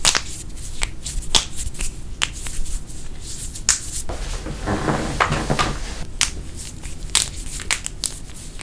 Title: EPIC BONE CRACKING (Loud Popping Knuckles, Necks, Backs, Toes & More!)